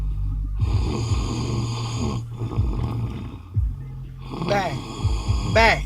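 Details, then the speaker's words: Adult man asleep in a car after an outing, snoring: loud, rough, rattling snores on the breath with a steady hum and some background sound. "Look at him, just snoring his ass off."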